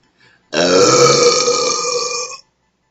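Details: Burp after drinking store-brand cola: one long, loud, voiced burp lasting about two seconds in a quiet room.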